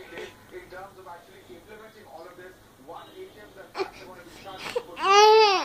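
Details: Infant girl fussy whimpering and babbling while wanting a Rs 500 note, then a loud wailing cry at the end; infant crying.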